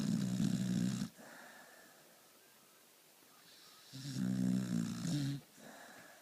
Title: Rumor snoring